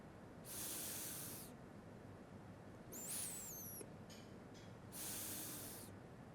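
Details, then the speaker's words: Metered-dose inhaler puff of inhaled corticosteroid for asthma, given through a spacer in a demonstration: spray, then three breaths; two sprays make one dose. A sharp hissing burst, soft breaths, then a second hiss. "मी काय केलं की spray सोडला आणि तीन श्वास घेतले ज्याच्यामुळे माझं हे औषध पूर्णपणे आत गेलं"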